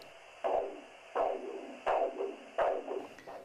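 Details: Pulsing whooshing Doppler signal, about 85 a minute, returning over the brachial artery as the arm cuff deflates at 2–4 mmHg per second during ankle-brachial index measurement; its return marks the systolic pressure.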